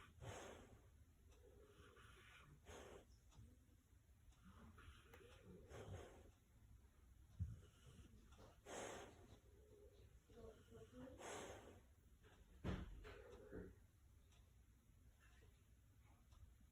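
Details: Snoring from a dog sleeping all night: rhythmic snorting, rattly breaths about every three seconds.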